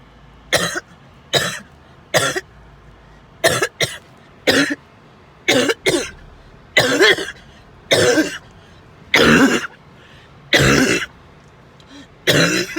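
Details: End of a 20-minute coughing spell: an adult coughs about thirteen times in close succession, some coughs doubled, the later ones longer and harsher.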